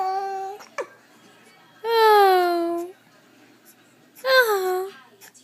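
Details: A 9-week-old infant gives high, drawn-out yells broken by brief, sharp hiccup jolts.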